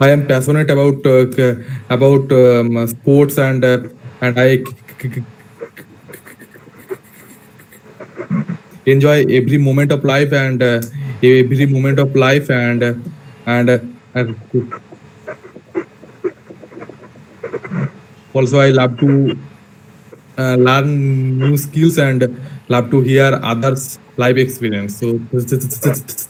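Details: Stuttering in a participant of an online session for people who stammer, introducing themselves, with a phrase repeated.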